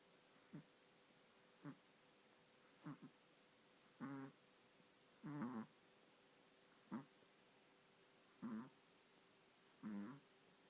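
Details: Puppy Zia snoring while another sleeps quietly: short buzzing snores every second or two over faint hum.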